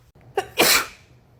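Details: A short breath in, then one sharp, high-pitched sneeze that fades quickly: a single baby's sneeze.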